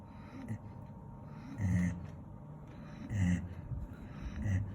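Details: Golden retriever snoring while asleep: low rumbling snores with snorting, raspy bursts, about three breaths in under five seconds; ordinary snoring.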